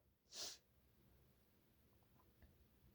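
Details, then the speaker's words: Strong sneeze from a person with an itchy nose, sneezing about 50 times today, who suspects allergies or a cold: a single short, hissing sneeze burst, then quiet room noise. "go these are very strong it kind of hurt honestly I don't have tissues with me I got all over my hand"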